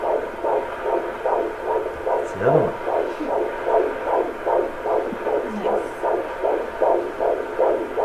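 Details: Fetal heartbeat on Doppler at a doctor's office, mother pregnant with two babies, said to be boys: fast, regular whooshing pulses about 150 a minute, with brief room sounds over it.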